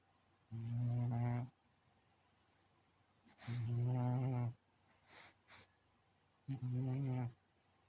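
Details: Cat snoring while asleep: three rhythmic, low, buzzing snores about twenty a minute, with quiet pauses and faint soft clicks between; ordinary harmless snoring.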